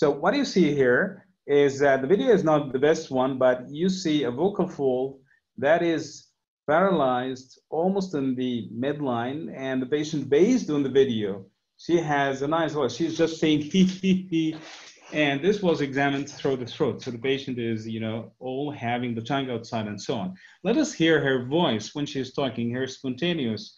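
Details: Adult male lecturer; normal speech.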